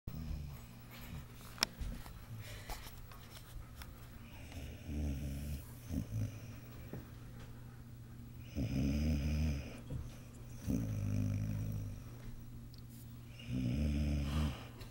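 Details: A sleeping dog snoring loudly: low rumbling snores recur every few seconds over a steady background hum, with soft breathing between them; snoring.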